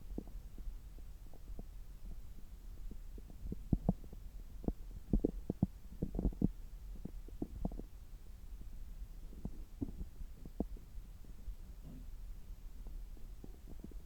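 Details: Abdomen heard through a stethoscope about three hours after a meal, with some rubbing noise: faint irregular clicks and gurgles over a low hum; normal active bowel sounds.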